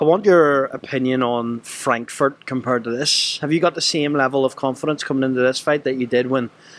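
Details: Adult male interviewer; no speech disorder.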